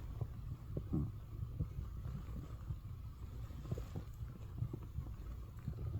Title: morning stomach growls【turn your volume up】